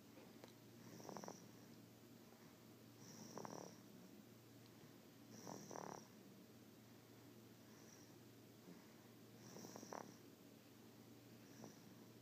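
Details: Baby girl snoring in her sleep: soft, rough snores recurring about every two to three seconds, with faint high hissing between them; light infant snoring.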